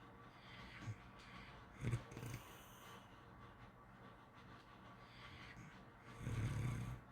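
Soft, low, rumbling breaths at irregular intervals over faint room noise. Light snoring during sleep.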